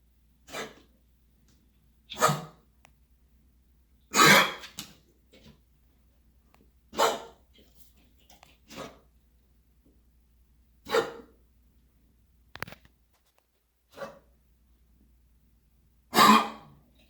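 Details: A dog gives about nine short, harsh, dry coughs spaced a couple of seconds apart: cough.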